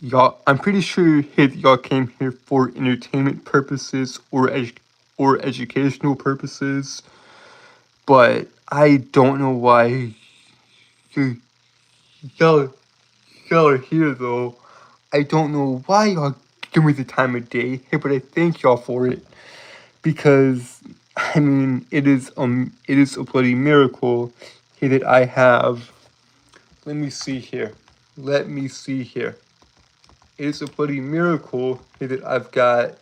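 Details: Self-reported speech impediment in a male streamer, with disfluency; finding: speech impediment with disfluency.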